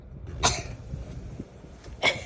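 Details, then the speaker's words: Two short, sharp cough bursts about one and a half seconds apart, performed with playful style in a comedy short, faint room noise between them. "Oh oi. Batuk pun banyak gaya ah."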